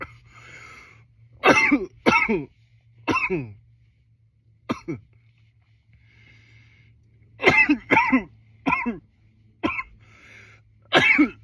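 Repeated harsh cough bursts, about ten in clusters of two or three with quiet gaps; a recurrent cough.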